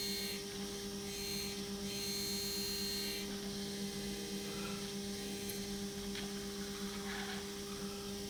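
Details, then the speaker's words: Hands-on demo drilling for a Straumann zygomatic implant in a model of a severely resorbed maxilla: a steady high motor whine with low hum and faint grinding. The drill cuts on the back movement, back and forth, taking care to preserve the sinus lining. "so now we are drilling back and forward and the drill is going to drill on the back movement not on the forward but on the back"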